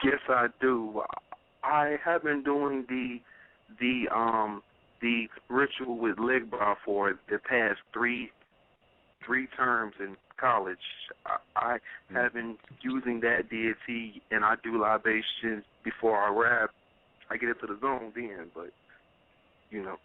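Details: Stuttering in an adult man who self-rates it about 6 out of 10; he says it is absent when rapping, making music, singing, in a very good mood, or after smoking or drinking.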